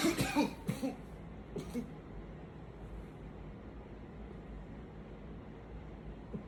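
A quick run of harsh coughs, then a few weaker ones and quiet room noise; a tiring coughing fit.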